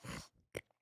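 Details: Male streamer with a self-described tic disorder, a milder form of Tourette's; pig-like or fart-like noises heard are his tics; vocal tic.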